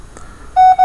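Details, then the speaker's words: Non-invasive blood pressure patient monitor under alarm testing with a SimCube simulator set to heart rate 169, reading 121/80, MAP 95: steady electronic alarm tone after quiet room noise; high heart rate alarm. "right notice here it says an alarm is happening it says high heart rate alarm"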